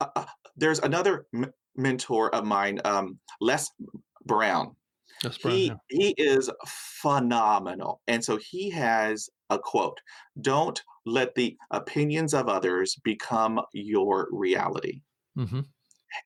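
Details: Man with persistent stutter acquired at age five after a dog attack with head injury, severe after a long period without speech; mother also stuttered as a child; stuttering.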